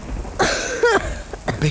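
An adult's acted coughing fit: several harsh, voiced cough bursts over a steady hiss like rain.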